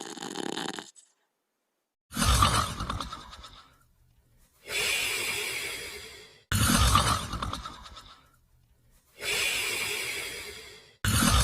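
Loud rough snores alternating with rushing out-breaths, about 13 breaths a minute: snoring in deep sleep.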